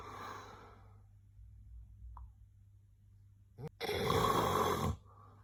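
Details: Snoring during sleep: two rough, rattling breaths with a quiet pause between them, the second loud and harsh.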